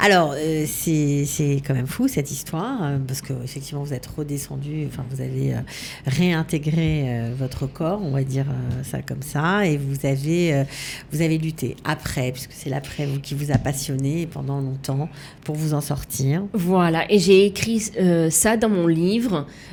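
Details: Adult speakers in conversation, French; normal speech.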